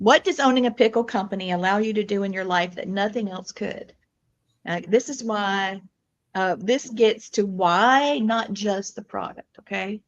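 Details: Adult speakers in conversation; normal speech.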